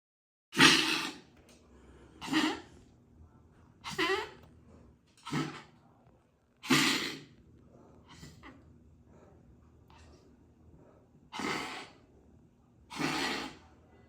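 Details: Dog with grade 4 tracheal collapse (tracheomalacia) gives seven harsh, forceful cough bursts with a honking tone, a severe tracheal collapse cough.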